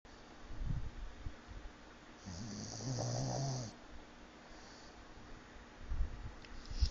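One low, rumbling snore lasting about a second and a half, with faint snuffling against quiet room noise: a small dog snoring.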